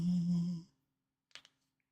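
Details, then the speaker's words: Adult's jaw (temporomandibular joint) clicking spontaneously during a live stream, picked up by the microphone: a brief hummed vocal sound, then after a pause a faint double click. "go ow did that pick up on my mic my [ __ ] jaw clicked for no reason that felt loud to me I don't know if you guys could hear it"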